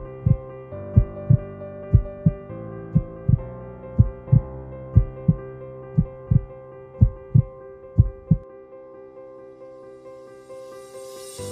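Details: Heart with mitral regurgitation, from a valvular heart disease awareness campaign: regular paired heartbeats near 60 a minute under music; mitral regurgitation murmur.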